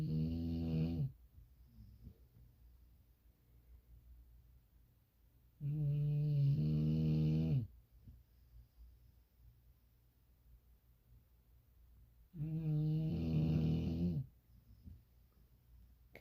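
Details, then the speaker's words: Loud, deep rumbling snore every six to seven seconds with quiet breathing between, from a sleeping female English Bulldog; snoring. "Hey guys, this girl is snoring so loud I can't sleep. Hear it?"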